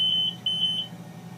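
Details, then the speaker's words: Repeated high-pitched BiPAP alarm tones over a low machine hum, a demonstration for nurses. The proximal pressure line is disconnected, the screen reads 'proximal line disconnect', and the audible alarm stops once the line is reconnected. "now we have an audible alarm and we can see the alarm message there proximal line disconnect and we reconnect it and the audible alarm goes away because we have fixed the problem"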